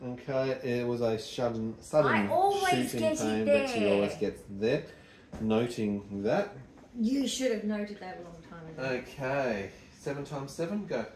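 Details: Adult man; typical speech.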